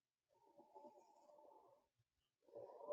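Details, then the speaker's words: Fine crackles in a teaching example for EMTs: breath sounds with faint, fine crackling through inspiration, like Rice Krispies. "the next one this is fine crackles kind of sounds like Rice Krispies"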